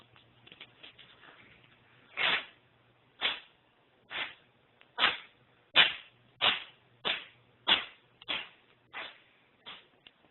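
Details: Purebred Devon Rex cat with a nasal cavity problem sneezing in a rapid run of about ten short, sharp bursts; repeated sneezing.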